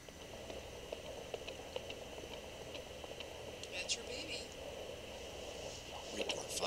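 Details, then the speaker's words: Doppler stethoscope over the fetus's upper back after Leopold's maneuvers, baby not yet into the pelvis: rapid, steady whooshing pulses about 140 a minute, nice, strong and regular, normal fetal heart tones. "Report findings of the Doppler. Nice, strong, and regular."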